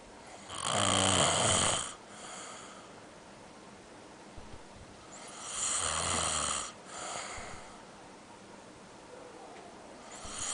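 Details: Loud, harsh rattling snores on each breath in, softer breaths out, about 12 breaths a minute, from a sleeping adult man (father); ordinary heavy snoring.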